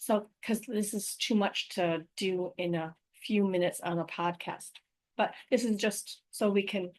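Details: Adult woman with aphasia, apraxia of speech and dysarthria after a stroke in May 2019; real patient speaking about her own condition.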